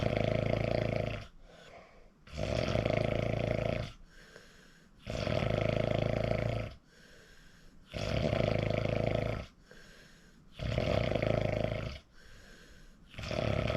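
Loud, regular snores on each breath in, about 5 over 14 seconds, with quieter breaths out between them. Heavy snoring.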